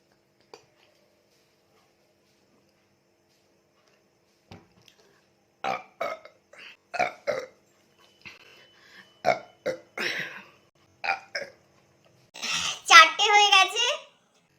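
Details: Burping after drinking Coca Cola in a burping challenge: a run of short belches in a quiet room, ending in one longer, louder burp.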